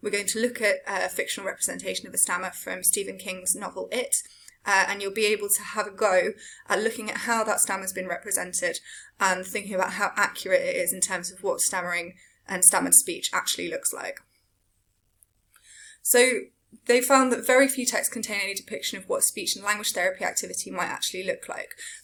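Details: Adult lecturer; Typical speech.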